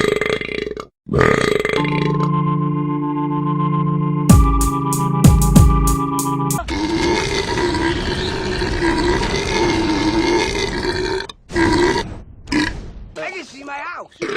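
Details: Organ music, then a long, loud, wavering voiced belch from a TV comedy scene in a burping supercut, with background noise; burping.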